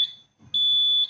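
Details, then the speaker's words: Medical gas area alarm panel (oxygen and vacuum) being tested; vacuum alarm triggered beyond set threshold; steady high-pitched electronic alarm tone after a brief quiet gap. "now let's test vacuum it's normal now when is a virus 150 it will be high alarm"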